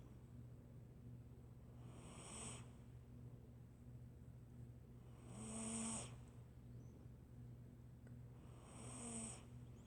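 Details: Cat snoring: three soft, whistly snores about 3.5 seconds apart, near 17 breaths a minute, over a steady low hum.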